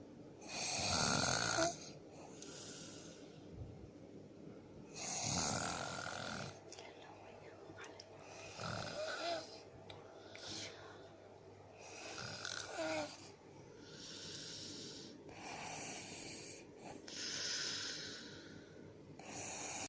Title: #1jowa how to sleep#Snoring unique ever😁😁😁